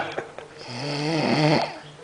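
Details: Comic sketch in which a character is made to snore: a single drawn-out, droning snore rising in loudness; simulated snoring.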